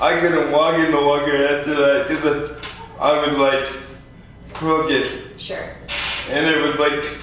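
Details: 24-year-old man with lifelong spastic quadriplegic cerebral palsy, born prematurely weighing 2 lb 4 oz; real patient; dysarthria (cerebral palsy).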